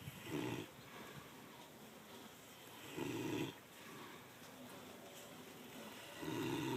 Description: Caught one ov our piggs snoring in its sleep haha funnyy..